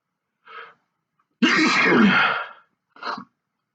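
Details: Adult male sneezing fit after sniffing sneezing powder into both nostrils: a short stifled sneeze, then one loud full sneeze and another brief stifled one.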